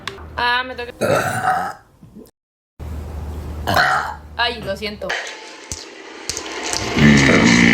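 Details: Compilation of several long, loud voiced belches with a rough, croaking tone, mixed with brief Spanish talk and some background music: burping.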